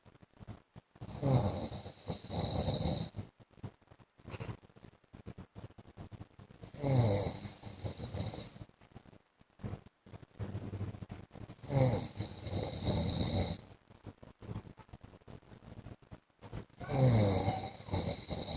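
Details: Heavy snoring from the speaker's husband during sleep: four loud, rough snores with a low rattling sound on each breath in and quiet gaps between, about 13 breaths a minute.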